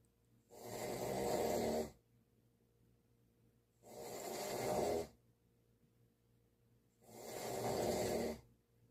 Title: #snoring